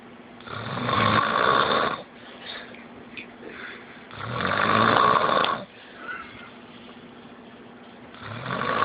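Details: Adult sleeping officer: loud, rough, drawn-out snores on each breath in, about every four seconds, with quieter breaths between; snoring.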